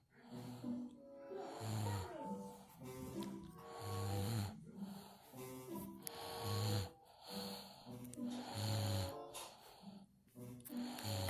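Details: A sleeping person snores loudly and regularly with each breath, about 25 breaths a minute, with some snorting on the breaths; snoring.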